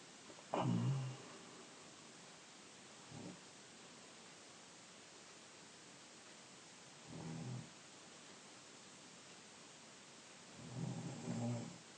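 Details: 15-year-old male (brother), 5'10", 156 lbs, asleep: low rumbling snores recurring every few seconds against quiet room noise; ordinary snoring.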